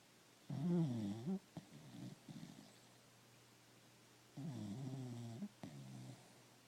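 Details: Stella, a cocker spaniel in deep sleep: two rumbling inhaled snores, each followed by a shorter snort on breathing out; ordinary snoring.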